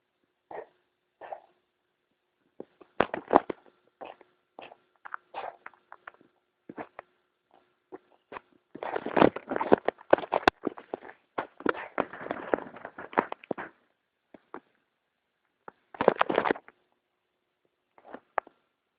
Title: kitty cough